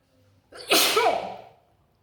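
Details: Sneeze: a short breath in followed by one loud, explosive sneeze that fades out, a single sneeze induced by tickling.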